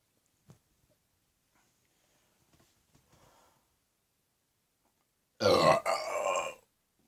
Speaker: Just a quick video before I go back to work, because I'm on my lunch. So I can do a massive burp.